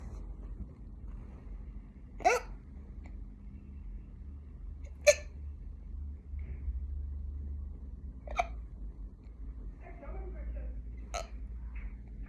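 Brief sharp hiccup sounds recur about every three seconds, five in twelve seconds, over a low room hum: hiccups.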